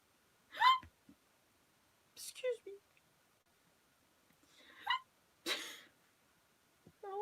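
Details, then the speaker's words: Adult's loud, vocalized hiccups, about five short squeaky yelps with quiet gaps, in a quiet room; the person says they often hiccup after drinking, sometimes randomly. "I always choose this noise when I hiccup. It's not like, having the hiccup, like you can stop. It just happened a few times."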